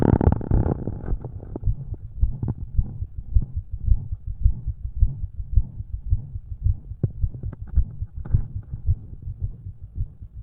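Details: Own heart recorded with a stethoscope, about 109 a minute, with an added low thump before beats (possible S4, uncertain) and a soft murmur; the extra sound was gone later that day.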